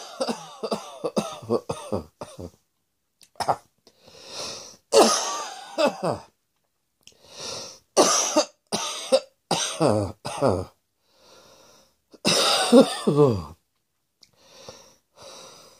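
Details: Acted coughing: repeated bursts of harsh coughs with quick inward breaths between runs.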